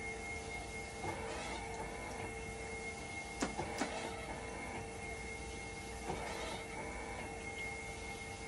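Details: Steady electronic hum, faint tone and soft repeated clicks and whirs: a hemodialysis machine in dialysis mode during repair testing for a 5-volt level detector fault, waiting for temperature and conductivity to stabilise.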